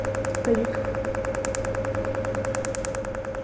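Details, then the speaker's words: Rapid, steady train of small sharp snapping clicks, about 200 a minute, over a steady hum: a Cutera Enlighten picosecond laser (1064 nm, 8 mm spot) pulsing across facial skin, breaking up pigment spots beneath the skin. "entend les petits clairement qu'ils sont des petites tâches qui ceux qui sont sous la peau et qui sont détruites par le laser donc on a choisi 1064 ça permet de traiter en profondeur"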